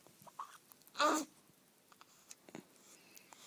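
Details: One abrupt, short gulping hiccup from a baby over quiet room noise: a single infant hiccup.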